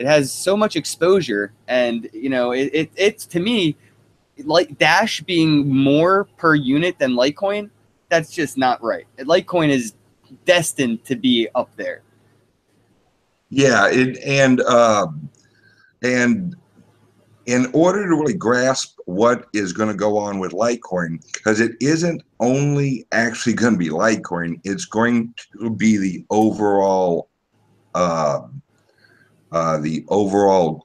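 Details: Speech impediment (disfluent speech), type unspecified, self-reported by a male guest.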